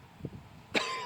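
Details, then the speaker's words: A single sharp, harsh cough after a faint throat sound, from an adult with a week-long mild cough, no fever and no runny nose, using throat spray. "I did have a little bit of a cough this week as you can tell but um thankfully I haven't been running a fever my nose hasn't been running and all I've had was just like this little bit of a cough this week"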